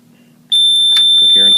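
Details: Dräger Evita XL ventilator at startup: after a quiet moment a loud, steady, high-pitched alarm tone holds with a faint voice underneath; normal audible alarm check during power-on self test.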